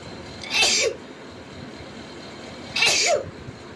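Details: Girl sneezing: two sharp, high-pitched sneezes, each a quick explosive burst, over a steady background hum.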